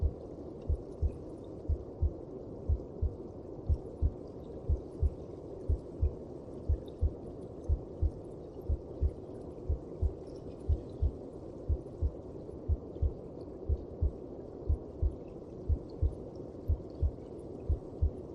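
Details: Regular muffled low thumps at about 60 a minute over a soft rushing hum: a heartbeat heard within the mother's belly.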